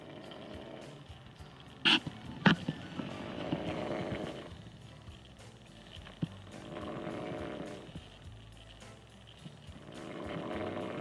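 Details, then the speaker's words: Someone snoring, faintly heard, during an overnight mountain camp. "Not sure if you can hear that, but somebody's snoring."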